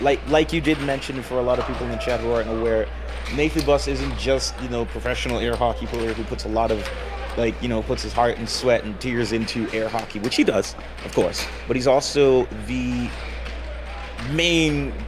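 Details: Adult male speaker; normal voice.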